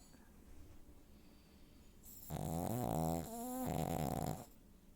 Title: Pug Dog Snores Loud